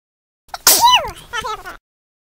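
A single sharp, noisy burst with a voiced falling tail, then a softer voiced sound: a sneeze.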